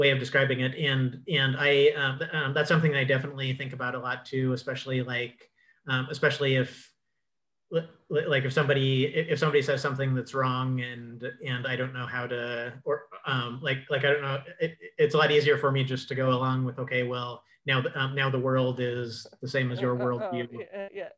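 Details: Adult man who identifies himself as a clutterer; cluttering.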